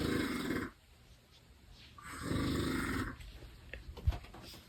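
Two loud, rough, rattling snores with a quiet pause between them, then faint shuffling noise. Snoring.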